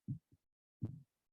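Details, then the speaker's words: Blood pressure measurement through a stethoscope during cuff deflation: low thumping bumps appear at systolic pressure and fade away at diastolic pressure; Korotkoff sounds in a demonstration recording. "that's the high pressure and that's the low pressure as the sound disappears again as well"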